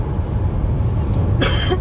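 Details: One brief, harsh cough near the end, over steady low road and engine rumble, from someone on the M25 motorway during the second lockdown, on the first outing after four weeks of being ill.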